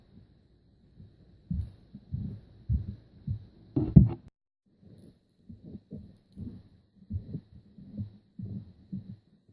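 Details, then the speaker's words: Normal heart sounds heard with the stethoscope bell at the apex, patient in left lateral position: regular soft low beats, about 65 a minute, with no diastolic filling sounds. "and I'm just going to listen at the base I mean at the Apex with the Bell no diastolic filling sounds everything is good with the left lateral position"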